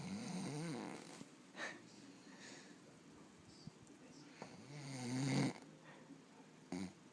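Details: Occasional snoring during sleep, recorded by the snorer's girlfriend: two loud rumbling fluttering inspiratory snores separated by quiet breathing, with a couple of brief snorts.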